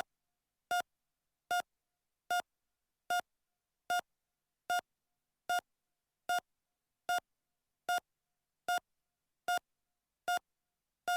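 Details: Simulated heart monitor sound effect: steady, evenly spaced single beeps at about 75 per minute in silence, a normal heart rate.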